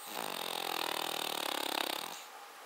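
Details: Cavalier King Charles Spaniel, a small toy spaniel, rough snoring: a single long, rough, rattling snore on one breath, buzzing and coarse in tone.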